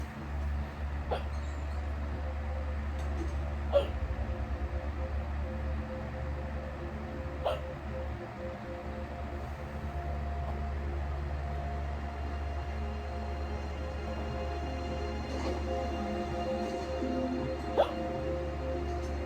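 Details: Person watching TV, with sharp, brief hiccup sounds recurring every few seconds over steady low television noise; repeated hiccups.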